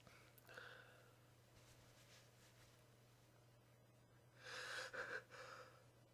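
Faint muffled bursts, then a louder sneeze burst with a short voiced burst after it, dampened as if into a cloth, over steady room hum.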